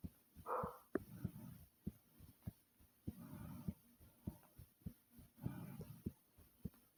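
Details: Person recording their own loud normal heartbeat.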